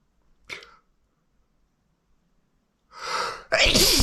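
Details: An adult man with a runny nose since the cold weather began draws a sharp, noisy breath in, then gives a forceful, wet sneeze with spray and snot.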